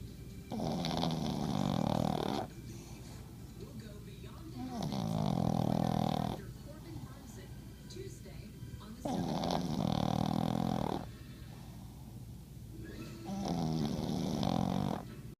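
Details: Loud, rattling snores with quieter breaths between them, about 14 breaths a minute, in a sleeping dog; snoring.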